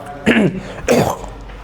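An adult man clears his throat in two short, rough bursts against a quiet room.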